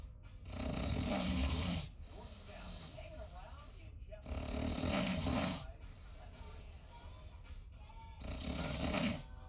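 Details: A person snoring in a shared cruise cabin: loud, rough, rattling snores on each breath in, about every four seconds (roughly 15 a minute), with faint background sound between.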